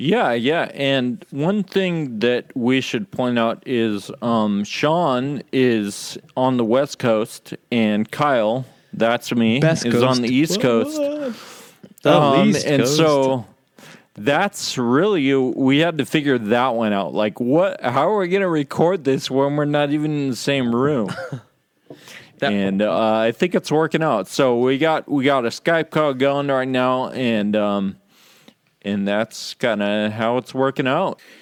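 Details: Adult podcast host with Friedreich's ataxia, which causes loss of muscle control in the legs and arms, impaired balance and slurred speech; ataxic dysarthria (slurred speech) in Friedreich's ataxia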